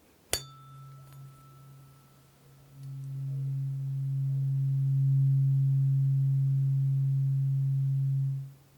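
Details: Tuning fork struck during a simulated ASMR ear and hearing exam, comparing which ear hears the lower frequency with eyes closed: a sharp clink, then a steady low pure hum that slowly fades.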